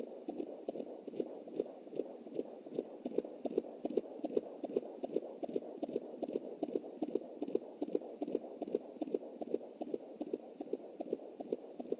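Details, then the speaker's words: Fetal heartbeat at 20 weeks 7 days of pregnancy, anterior placenta, on a Jumper home Doppler: rapid, regular galloping whooshes at about 150 a minute. This was a normal-sounding fetal heartbeat; the baby was later stillborn at 28 weeks. "So I just wanted to say, that's the heartbeat."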